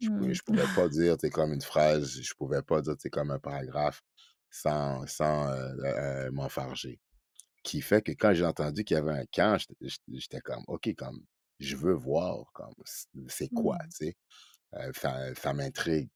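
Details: Adult man who stutters, speaking French in a podcast interview; he is real, not acting, and is a spokesperson for a Quebec youth stuttering association. Finding: stuttering.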